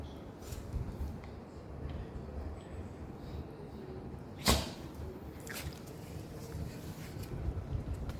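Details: Shiba puppy sneezing at the smell of vinegar: quiet room broken by one sharp, abrupt sneeze, then a fainter snort about a second later; sneezing.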